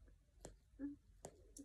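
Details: Postpartum mother expressing breast milk with a manual breast pump (Avent): quiet, regular clicks with soft squishing as the handle is squeezed and released in repeated strokes.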